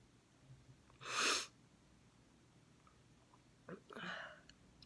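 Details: Girl in glasses sneezing repeatedly without covering her face: a loud explosive sneeze, then a softer one after a short breath in, in a quiet room.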